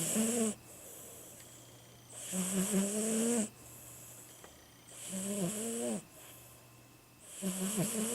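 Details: 17-year-old Siamese cat snoring while sleeping: four rhythmic nasal whistling rumbling snores with hissy intake, about every 2.4 seconds.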